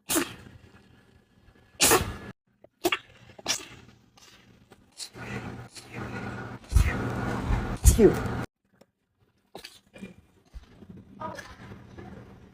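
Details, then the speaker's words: Person who sneezes 4 to 12 times per bout, sneezes recorded over two months: several sharp, explosive bursts with quieter noises between, a run of sneezes in a small room. "I sneeze between 4 to 12 times per sneeze. Thank you. Everyone that knows me knows to wait till I'm done to say bless you."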